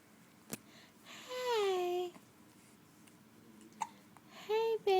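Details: Infant girl with hiccups during playtime: coos and giggles broken by a few brief, sharp hiccups, with an adult voice briefly heard in the background.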